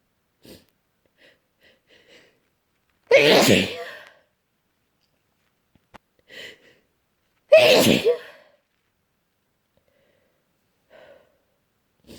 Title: Desperate itchy cold sneezes